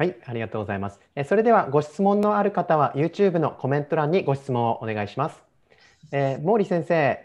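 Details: Adult woman speaking Japanese; normal speech.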